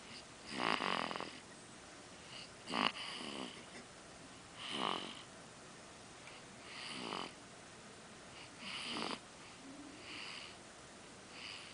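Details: Soft, rhythmic snoring from a sleeping baby, about 30 breaths a minute, each inhalation rattly and noisy.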